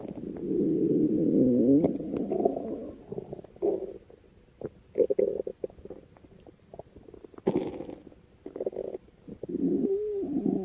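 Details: Long, low gurgling rumbles and bubbly pops come and go with quiet gaps between bursts: stomach growling (borborygmi).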